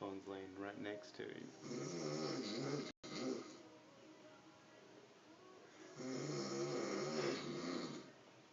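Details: Adult man asleep, cigarette in mouth, snoring worse than usual: loud, rough, buzzing snores with a gurgling quality on both in-breath and out-breath; heavy snoring.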